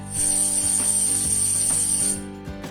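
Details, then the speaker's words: A simulated tinnitus sound, a steady high whistle over a low buzzing hum, illustrating the buzzing or whistling form of tinnitus. "And it can also sound like buzzing or whistling, like"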